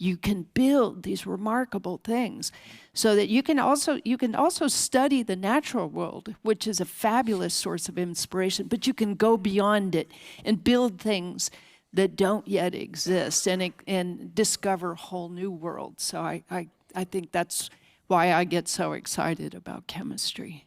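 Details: Adult speaker; normal speech.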